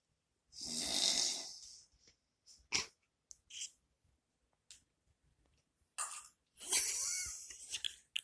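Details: Loud, rough breathing noises with snorting bursts between quieter gaps; snoring.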